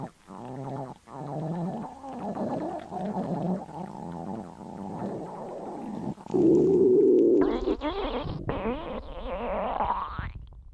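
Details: Stomach growling after eating a burger: gurgling, squeaky rising and falling rumbles from the belly.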